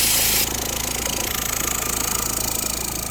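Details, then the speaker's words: A suction pump (aspirator) with its patient suction tubing hooked up correctly and the gauge showing vacuum: steady loud motor hum with fast rhythmic pulsing. "here's the change, see the gauge going, that's when you're hooked up correctly."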